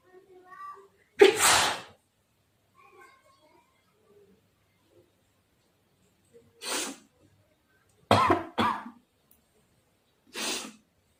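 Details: Sneezing challenge, sneezes provoked by tickling the nose with cotton: about five sharp, forceful sneezes with quiet breaths and small vocal sounds between them.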